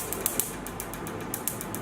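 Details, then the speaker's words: Picosecond laser pigment treatment on the face with the 1064 nm or 755 nm probe: a foot pedal fires the laser, with the handpiece perpendicular to the skin about 2 cm away. It gives a rapid series of sharp clicking snaps, about six a second. "The operator holds the handle perpendicular to the skin surface, and the probe needs to keep about 2 cm away from the skin. Tread the foot pedal to start the operation."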